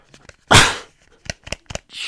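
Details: One loud, abrupt explosive sneeze with quiet noises before and after, from a person who says they are currently fighting COVID: sneeze.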